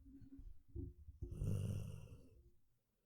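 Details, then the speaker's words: Snoring picked up on a microphone from a very comfortable male who fell asleep quickly and is twitching while he sleeps. "I don't understand how he starts snoring so quickly. He's so funny."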